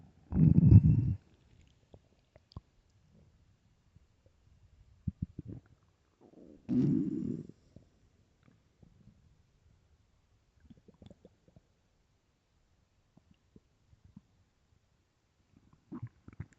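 Low rumbling gurgles in two main long growls with smaller gurgles between, in a quiet room; ordinary stomach growling, a possible sign of hunger.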